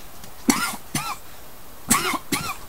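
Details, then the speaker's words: An adult who says smoking always makes them cough and has smoked weed for 13–14 years gives four short, harsh cough bursts in two pairs: cough after smoking. "Smoking always makes me cough. I've been smoking weed for forever."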